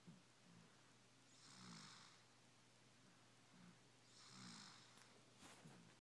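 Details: Sleeping snoring recorded January 2012: soft, regular snores at about 22 breaths a minute, each with a rough fluttering noise, in a quiet room; snoring.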